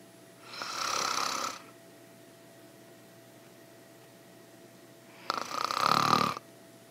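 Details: Adult woman snoring during sleep, ASMR recording: two slow, breathy snoring breaths several seconds apart over a steady faint hum; a soft snore.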